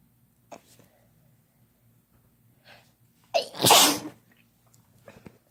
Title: Couple Sneezing Using Chhinkni